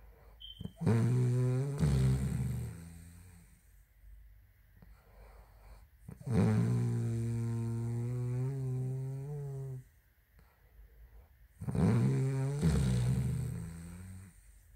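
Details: Sleeping woman snoring: three long, low, buzzing snores with a droning, fluttering tone, spaced several seconds apart, with quiet pauses between breaths; snoring.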